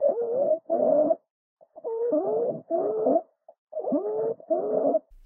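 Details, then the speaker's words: Example of stridor: harsh, high-pitched crowing noise with each breath, a sign of upper airway obstruction that may be life-threatening. "stridor is a breath sound that fills me with dread it is a sign of Airway obstruction that could be lifethreatening and requires immediate medical assessment here is an example of stridor in an adult this is a really scary sound"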